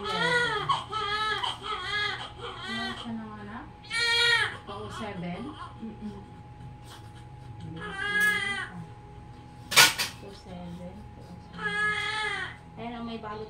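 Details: Full-term baby girl, 2.5 kg, just after normal vaginal birth in a delivery room: repeated strong, rhythmic cries with brief pauses and adult talk in the room; a vigorous newborn cry.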